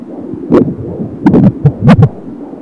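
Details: Home AngelSounds fetal Doppler at 28 weeks of pregnancy: hiss with irregular loud thumps and swishes from fetal kicks around a faint fetal heartbeat; fetal heartbeat and movement.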